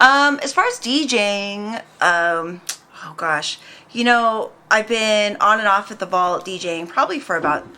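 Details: Adult woman speaking; Normal speech.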